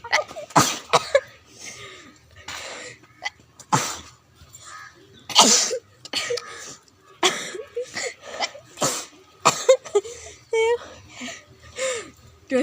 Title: Sneezing challenge 😂🤩😜😁